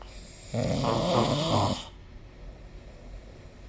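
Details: Snoring recorded with the SnoreLab app during sleep: a single loud, rattling snore lasting about a second, then quiet breathing and faint room hiss.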